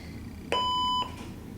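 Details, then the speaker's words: LIFEPAK 12 defibrillator/monitor in a training lab, switched on with its on/off button: a single steady electronic tone about half a second long in a quiet room, the normal power-on beep. "so we'll go over just the basic front of the monitor so you can see obviously on and off button"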